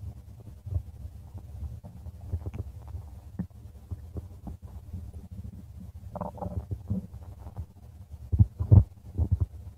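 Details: Stomach of a person: low gurgling and rumbling with irregular bursts, louder near the end, ordinary bowel sounds.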